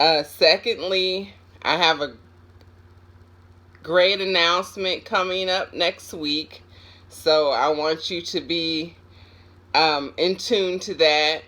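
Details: An adult woman with aphasia after a stroke, now improving, who still sometimes has a hard time getting words out; aphasia.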